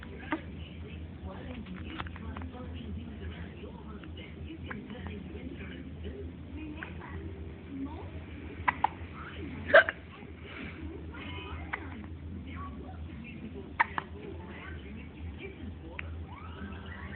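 A few sharp, abrupt hiccup clicks spaced seconds apart over quiet background talk; hiccups.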